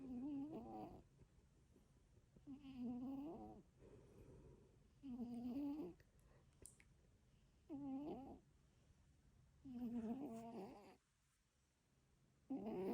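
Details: Sleeping cat snoring: repeated rattling, buzzy snores on the in-breath, about 23 a minute, with quiet pauses between.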